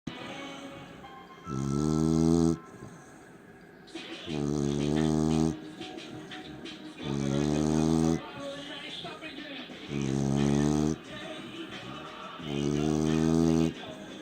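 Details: Beagle snoring: loud, droning, vibrating snores come regularly about every 2.8 seconds, roughly 21 breaths a minute, with quieter breathing between them.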